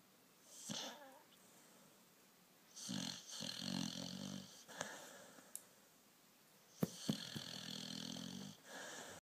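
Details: A sleeping Staffie dog in a small room, with rattling, throaty snores on each breath plus snorting and whistling sounds; snoring.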